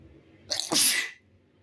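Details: A single normal sneeze from someone filmed shirtless: a brief intake of breath, then one loud, wet, hissing sneeze burst.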